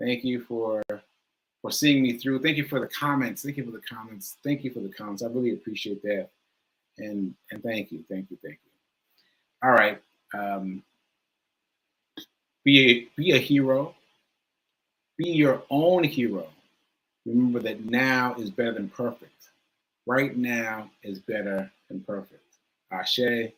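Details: Male with aphasia, which he says is affecting him today, losing track of his point; word repetitions; aphasia.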